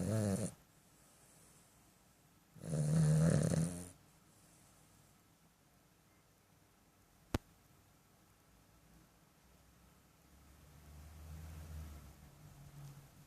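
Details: Cavalier King Charles Spaniel puppy snoring: low rumbling breaths with two louder snores near the start and a softer one near the end.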